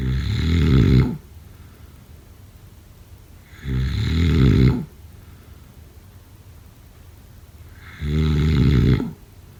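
Three loud, rough, low-pitched snores about 3 seconds apart with quiet pauses between; ordinary loud snoring.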